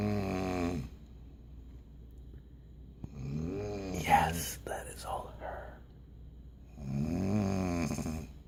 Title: I'm telling you I DON'T SNORE!